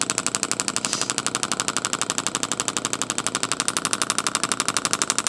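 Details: Steady, rapid, sharp clicking pulses at about four per second from a radial shockwave therapy device treating a chiropractor's deltoid muscle for shoulder pain, intensity raised to about 3–6 discomfort; radial shockwave therapy device.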